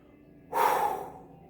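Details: A gasp just after chugging two 12 oz cans of Diet Dr Pepper: a single sharp, noisy intake of breath lasting about half a second.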